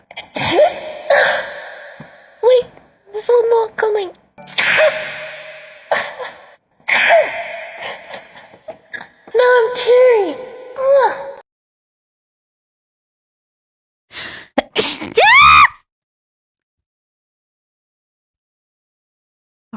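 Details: VTuber sneezing, reportedly provoked with pepper: several high-pitched sneezes in quick succession with voiced gasps between, ending in a final loud sneeze.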